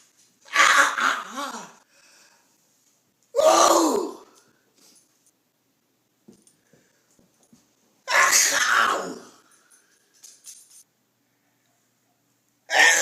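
Three loud, drawn-out sneezes, each with a sharp voiced cry almost like a scream, separated by quiet pauses.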